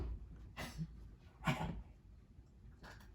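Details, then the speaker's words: A dog gives three harsh, hacking cough bursts, faint against quiet room noise; the owner says it sounds like coughing up a hairball but he is just coughing; dog cough. "goodness it sounds like he's coughing up a hairball but he's just coughing"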